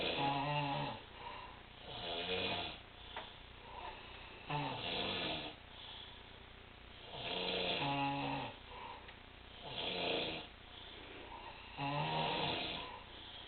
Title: snoring contest